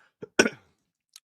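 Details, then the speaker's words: Single loud, rough cough burst with a short lead-in from an adult man with a persistent chesty cough and runny nose despite a week of rest. "I'm on a bit of a chesty can hear it. Bit of a chesty cough, nose, and whatever, man."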